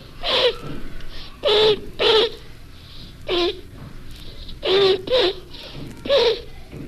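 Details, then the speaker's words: 10-year-old boy gives seven short, loud, honking, voiced coughs: a forced, artificial psychogenic (habit) cough used to stay out of school; he even had a bronchoscopy to exclude an inhaled foreign object. "the forced artificial cough of a 10-year-old boy who wanted to stay out of school and fooled his doctor very successfully will be heard next"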